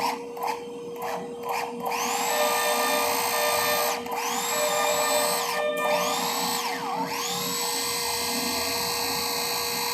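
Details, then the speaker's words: Whining surgical power drill spinning up and loading in short runs as it redrills bone for a proximal cortical screw during TPLO on a small dog's right tibia for cranial cruciate ligament rupture; background music. "Just want to make sure that it's not going into the joint. So it's going quite far proximally. Not happy with that. Redrill."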